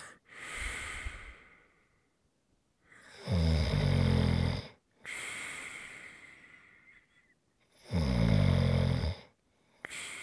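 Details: ASMR snoring recording: loud rattling snores on each in-breath alternating with airy out-breaths, about two breath cycles in ten seconds; snoring.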